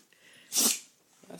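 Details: Animal sneezing and snarling back in the chute in the morning: a single sharp, hissing sneeze burst with faint breathing around it.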